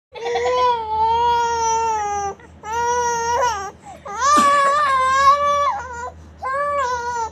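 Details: Baby crying until coughing: loud, sustained infant crying in long wailing bursts with brief breaths between; an upset baby's cry.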